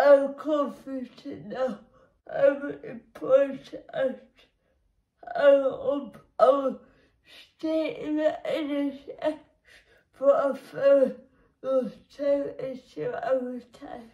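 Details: Woman with cerebral palsy, which makes her muscles and movements difficult; dysarthric speech in cerebral palsy.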